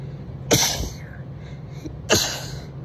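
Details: Two forceful allergy sneezes from a woman, about a second and a half apart, each a sharp burst with a hissing tail; congested, recorded very close to the mic during a bad allergy season, while slightly tipsy.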